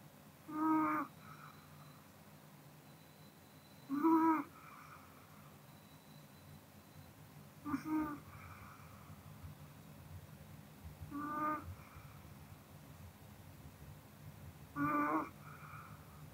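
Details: Sleeping Pomeranian dog snoring: soft snorting snores roughly every three and a half seconds, about 17 a minute, in a quiet room.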